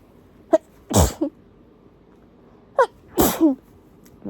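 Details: Chatty tissue sneezing fit in a person with an unusually itchy, irritated nose, not induced, some blood on the tissue: two strong sneezes, each with a sharp in-breath before the burst.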